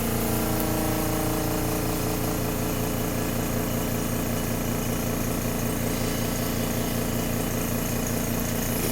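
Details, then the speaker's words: A loud, steady, rattling suction-machine drone with a fast pulsing throb as a caregiver suctions secretions through a patient's tracheostomy catheter, after coughing failed to clear them; the suctioning is distressing for the patient. "at this point i'm going to use my i'm going to press the button with my right hand and i'm going to push it down with the left and it's and you can see that it's a it's traumatic for him it's it's not enjoyable at all"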